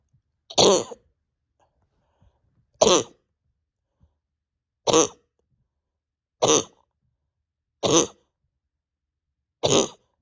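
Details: Six short, sharp, dry single coughs about every 1.5–2 seconds in a quiet room, with pain deep in chest and stomach; over 32 hours without sleep, bronchodilator not helping, exhausted; cough.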